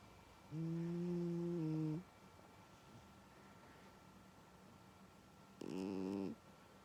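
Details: Sleeping cat snoring very loudly: two long, buzzy, tonal snores about four seconds apart, with quiet room hum between them.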